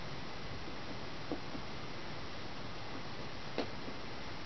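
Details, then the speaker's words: Abdominal percussion over the lower quadrants of an adult woman during a full abdominal assessment: two soft, hollow taps, tympany from air in the bowels, a normal finding; the liver is expected to sound dull. "I expect the liver to be pretty dense and the bowels and the stomach to have more air in them"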